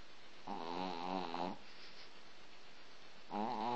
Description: when our chihuahua lulu starts to snore. please watch, it so funny!